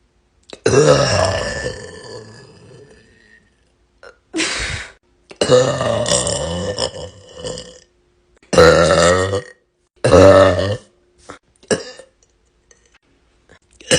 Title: girl burping loud